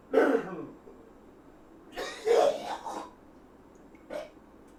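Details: An adult who mentions a smoker's cough, accidentally inhaling pepper fumes while cooking steak: a throat clear, then a cluster of harsh coughs and a final short cough; irritant cough.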